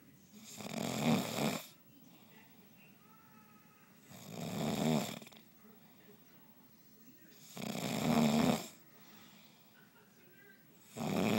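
Loud rattling snores on each breath in, about four in eleven seconds, with quiet pauses between them: snoring.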